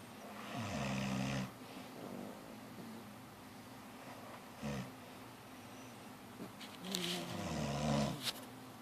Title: Snoring in Stereo...C@ and Tolsi